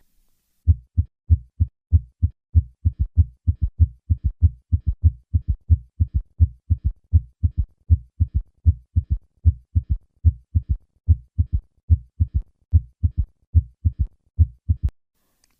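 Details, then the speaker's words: Summation gallop slowing to reveal S3: rapid low-pitched triple heart sounds gradually slow as heart rate falls below 90/min, separating the gallop into an audible underlying third heart sound. "Some patients with a summation gallop may have only a third heart sound or only a fourth heart sound when the heart rate falls below 90 beats per minute."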